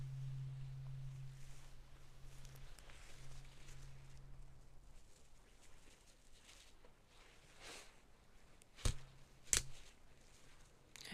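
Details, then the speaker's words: Simulated ASMR cranial nerve exam role-play: a struck tuning fork held up to the ear gives a low, steady hum that fades away, then returns after fresh taps. "These um will make a noise. I'm going to hit them and they will vibrate and I'm going to hold them up to either ear and I just want to see your reaction."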